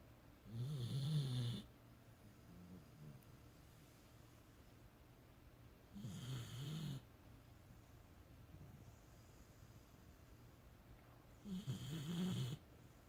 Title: Snoring Tired Beagle